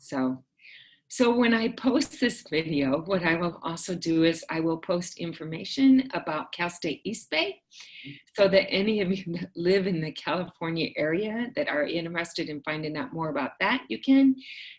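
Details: Adult woman speaking; typical speech.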